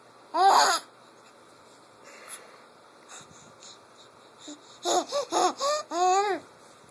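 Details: Wheezing in a laughing infant.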